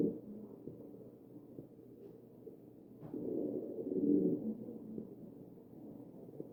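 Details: Wheezing on chest auscultation of a real ventilated patient (sample 2): a louder breath carries a musical, wheezy tone.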